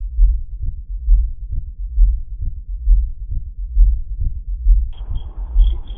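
Steady, regular low heart thumps at about 67 beats a minute; a normal adult heartbeat.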